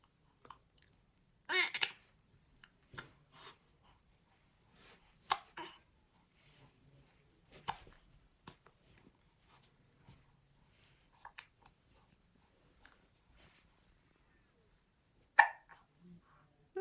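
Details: 11-week-old infant with hiccups: brief, sharp catches of breath recur every few seconds in a quiet room, about ten over the stretch.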